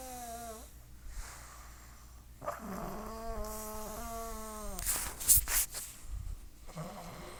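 A few tonal, whistling snores with snorting breaths over background noise; snoring.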